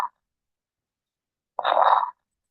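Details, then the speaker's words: Crackles: a short breath sound with a rough, popping texture, an abnormal lung sound attributed to secretions blocking the lower airway, played as a teaching example. "Nah, itu tadi suara napas crackless ya. Crackless. CKL ini biasanya ada sumbatan karena sekret ya, karena sekretasinya di area pernapasan bawah ya."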